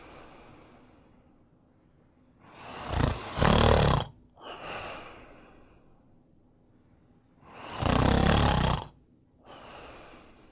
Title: Snoring sound